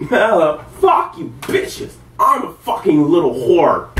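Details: Person during an ongoing involuntary tic attack at about 1 a.m., with swearing and repeated phrases; vocal tics with coprolalia.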